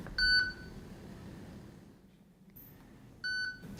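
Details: Two short electronic beeps as menu buttons are pressed on a Medtronic Capnography 35 portable respiratory monitor, with quiet room noise between.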